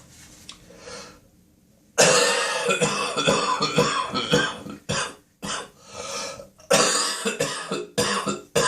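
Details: Adult's early-morning coughing spasm in the bathroom: wet, harsh productive coughs with throat clearing, hawking, spitting and nose blowing.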